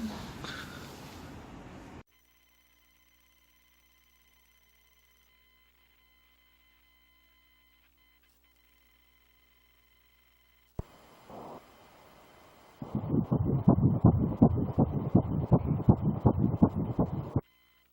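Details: Fetal heartbeat at 8 weeks of pregnancy, heard for the first time on ultrasound Doppler at the obstetric clinic; rapid, regular whooshing pulses, about 160 a minute; embryo 1.4 cm.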